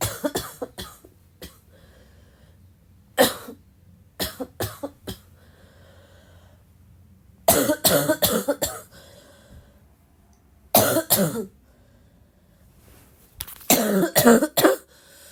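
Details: Girl still sick and coughing a lot, tagged as a barking cough: repeated sharp coughs in clusters of three to five, about 20 coughs in 15 seconds, in frequent coughing fits.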